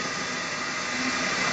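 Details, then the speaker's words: Saliva suction on the assistant's table of a dental unit, used to draw water from the patient's mouth: continuous airy hiss and rushing of the suction line. "ini ada namanya suction saliva suction sama saliva ini saliva saliva Ini digunakan untuk menyedot air dalam mulut pasien"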